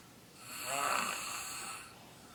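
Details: Chubby little brother asleep at 1:00 am: a single loud, rough, rattling in-breath; loud snoring.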